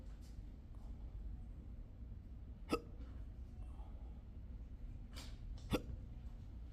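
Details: Adult with persistent intractable hiccups since 2015, recorded at a doctor's office: two sharp, brief hiccups about three seconds apart over a low room hum.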